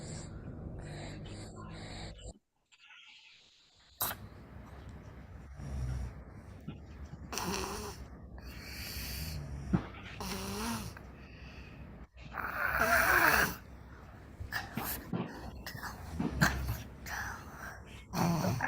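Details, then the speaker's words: Stethoscope on a child's anterior neck in outpatient ENT clinic: harsh, partly musical noisy breathing, stridor from a narrowed upper airway. "so here is this inspiratory sound with retraction so any inspiratory sler typically starts at the level of the suus orus"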